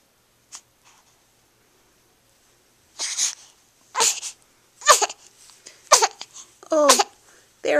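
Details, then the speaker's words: A baby sneezing: a run of small, sharp sneezes in a row with soft fussing sounds between them. "We don't really like sneezes, do we?"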